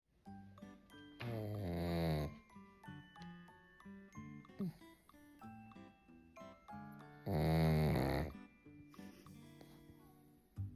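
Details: Loud rattling snores from a sleeping pug, with music in the background; snoring.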